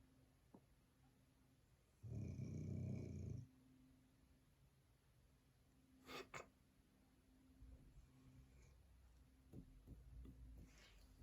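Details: Dog snoring: one loud, low, rumbling snore, then quieter breathing noises and small snorts in a quiet room.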